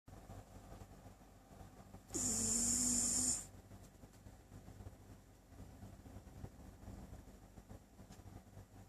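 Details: A single loud, hissing, whistling snore lasting about a second, against quiet room noise; snoring.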